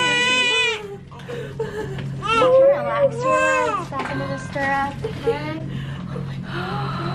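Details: Newborn baby girl's high-pitched cry just after an unmedicated vaginal birth (no epidural) at 39 weeks, 7 lb 5 oz, with adult voices and music in the background.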